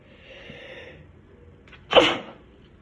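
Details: Induced sneeze: a short breath in, then one sharp, loud sneeze in a quiet room.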